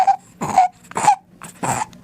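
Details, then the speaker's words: Rapid, harsh, squeaky inspiratory stridor with each breath in from an infant with laryngomalacia, a soft voice box collapsing on inhalation; usually self-limiting. "Sound వస్తూ ఉంటుంది so దాన్ని laryngo Malaysia అంటాం so మనందరికీ ఇక్కడ voice box ఉంటుంది అది ఒక pipe లాగా ఉంటుందన్నమాట"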